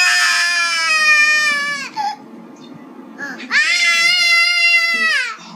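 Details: Young child crying: two long, loud, high-pitched wails separated by a short catch of breath; vigorous infant crying.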